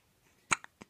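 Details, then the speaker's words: Hiccups in a 17-day-old baby girl: a sudden sharp hiccup followed by a softer catch and a faint second hiccup in a quiet room. "what do you want to do today get rid of the hiccups oh baby girl my baby girl okay i'm sorry i wish i could help you"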